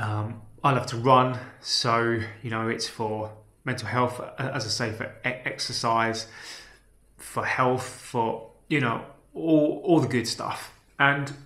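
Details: Adult man with a self-reported stammer, speaking naturally, with part-word and whole-word repetitions; stammering (stuttering).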